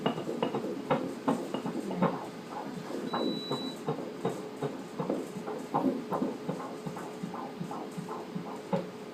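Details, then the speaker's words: Uterine artery Doppler flow at a pregnancy ultrasound at about 17 weeks 6 days, mother on heparin, placenta described as maturing early: rhythmic whooshing pulses from the right uterine artery, the vessel supplying the placenta. "dream the do uterine artery ito yung artery supplying the placenta"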